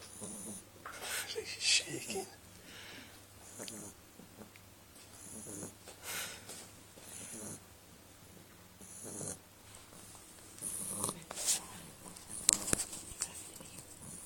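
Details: Beagle snoring in sleep: repeated snorting, raspy snores, uneven in timing, with faint background noise.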